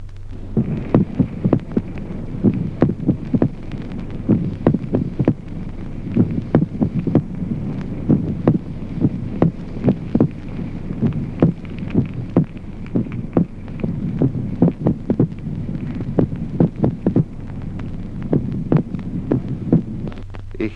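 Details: Split second heart sound with ventricular extrasystoles (premature ventricular beats) on heart auscultation.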